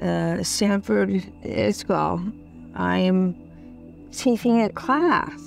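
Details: Woman in the early, acute stage after a stroke, with damage done and further deterioration expected over 12 to 24 hours; aphasia after stroke.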